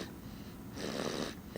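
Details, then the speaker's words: Loud snoring attributed to a young child, noted as not the father, who normally snores: a low rattling breath sound with a rougher, louder noisy stretch on breathing in. "so pretty loud too it's not daddy oh it's not daddy i'm awake yeah cause daddy's awake and normally daddy snores but what i mean but this is pretty loud"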